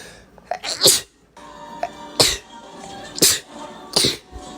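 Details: Four forceful, hissing sneezes about a second apart, each preceded by a quick intake of breath, over faint background music; a sneezing fit.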